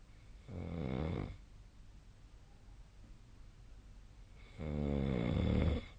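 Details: Snoring recorded during sleep with the SnoreLab app: two low, rough, fluttering snores on inspiration separated by quiet breathing in a quiet room; snoring.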